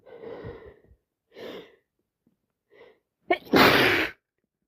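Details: Repeated sneezing all night with sniffing and nose blowing: a few sniffing, catching breaths build up, then one loud explosive sneeze.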